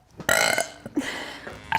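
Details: Woman burping frequently: a loud, rough, drawn-out belch followed by a second gurgling one; burping.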